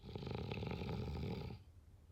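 One long, rattling, low snore on breathing in, then quiet.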